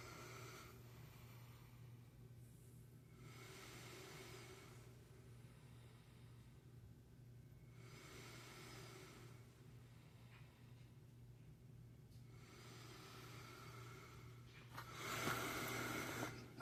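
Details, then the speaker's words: Brand-new ResMed 11 CPAP machine, 2025, with mask on during breathing: steady hum with loud hissing, Darth Vader-like air rushes on each inhalation, seemingly from the water tank area; replacing the tank did not help. "How you supposed to sleep with that? How you supposed to get to sleep with that nasty Darth Vader noise the whole time?"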